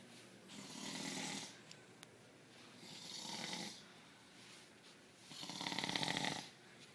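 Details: Adult man (a father) snoring: rhythmic rasping breaths, roughly one every two to two and a half seconds, some with a buzzing flutter.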